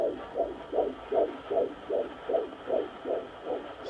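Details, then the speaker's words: Fetal heart tones on handheld Doppler at a 17-week IVF (ICSI) pregnancy midwife visit: rapid, regular whooshing heartbeat at 154 beats per minute, called perfect; valve opening and closing audible. "that's the heartbeat 154 it's perfect there we go you can actually hear that's the heart valve's opening and closing the heart"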